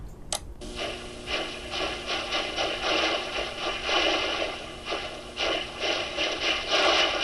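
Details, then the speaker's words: Simulation of music (Nutcracker excerpt) as heard through a bare-bones cochlear implant: harsh, buzzy, noise-like pulsing rough beat with no recognizable melody; only 10–25% of implant users enjoy music. "10 to 20 25% of implant users are able to enjoy music you recognize that that's from The Nutcracker but unfortunately not everybody so now I'm going to play this is just Bare Bones cier implant"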